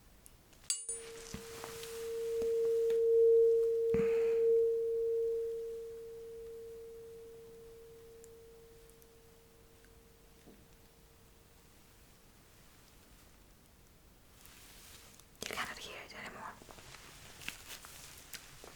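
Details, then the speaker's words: Simulated ASMR role-play cranial nerve exam, bedside hearing test: a struck tuning fork rings with a pure steady tone that slowly fades as the patient is asked to report when sound and vibration stop. "okay ready you remember what to do you just let me know when you stop hearing the sound and the vibration"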